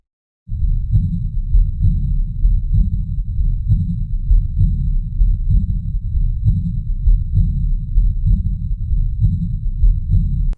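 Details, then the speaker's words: Regular heartbeat near 65 a minute; after the S2 a faint high-pitched blowing early diastolic decrescendo murmur fades toward S1, with systole silent: aortic regurgitation. "an hear you hear the s2 dub then you hear the onset of the high pitched blowing murmur and it gets softer over time until we get back to the s1 love and then during systole there's silence because this is a diastolic murmur so that's aortic regurgitation"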